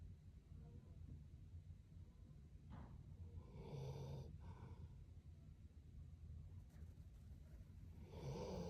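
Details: Loud snoring: low rumbling snores with snorting breaths over background noise.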